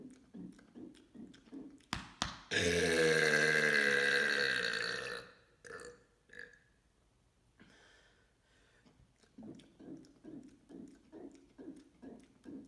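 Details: Deliberate "mega burp" from a series of 15: one long, loud, deep-voiced belch lasting about three seconds, with rhythmic tapping or chewing sounds before and after; burping.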